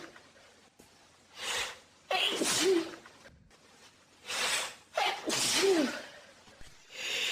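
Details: Person with hay fever sneezing repeatedly and naturally: two sneezes, each led by a sharp in-breath then a forceful burst, with a quiet pause between; sneezing.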